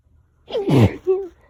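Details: Allergy sneezing fit that went on about 20 minutes: a single sharp, explosive sneeze followed by a brief voiced sound; sneeze.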